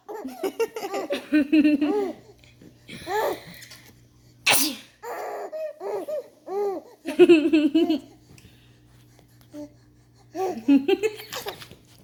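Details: One young child gives a single sharp, explosive sneeze in a quiet room while another young child giggles with high laughter before and after it.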